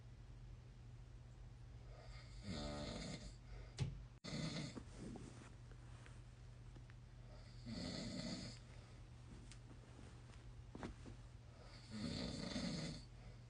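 Loud rattling snores recur every few seconds over a steady background hum, with a brief clatter between them.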